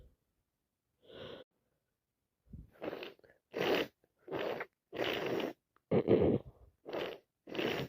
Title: Wet cold sneezes 🤧 am sick again